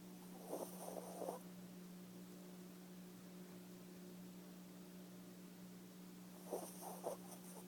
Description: Dog just snoring, so cute!